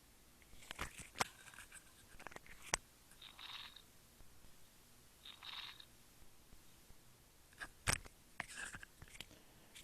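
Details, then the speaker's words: Chest auscultation in a patient with bronchiectasis and lobectomy, exam-station demonstration: bursts of loud, low-pitched popping crackles between soft breath sounds; coarse crackles. "now it is the sound this sound of the crackles I will repeat it"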